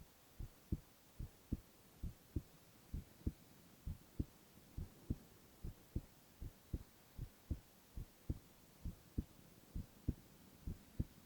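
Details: Male ASMR heart-sound recording with no talking: regular paired heart sounds at about 65 beats a minute over a soft hiss; normal heart sounds.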